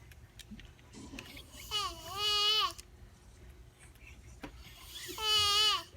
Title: Guy snores like lamb